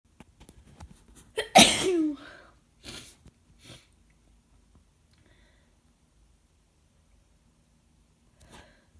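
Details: Adult with a cold, sore throat and stuffy nose: one forceful, wet, messy sneeze with a sharp intake before it, then quieter sniffs and breaths; sneezing.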